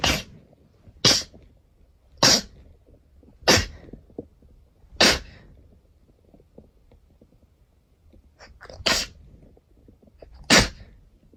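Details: Person sneezing repeatedly, sneezes 111–120: eight sharp, hissing sneezes about one to two seconds apart, quiet breathing between.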